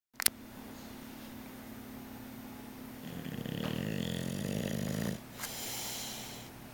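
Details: Dog sleeping on a couch: a low, rattling snore rises over a few seconds and then fades, over quiet room noise; snoring.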